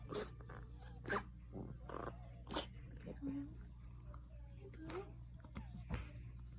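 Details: A dog gives about five short, harsh coughing bursts over several seconds, with faint room noise and a low hum; the owner asks if he is okay.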